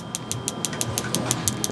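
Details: Regular sharp clicking pulses, about six a second, over low room hum from a focused shockwave therapy device at a light setting, treating the right knee for patellar tendinitis.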